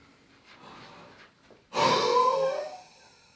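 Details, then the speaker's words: Huff cough (forced expiration technique) demonstrated for mucus clearance: after three slow abdominal breaths, a quiet half breath in, then one long forced open-mouth exhalation, repeated one to three times while avoiding coughing. "now next take a half breath in and then Force the air out of your lungs through your mouth and exhale for as long as"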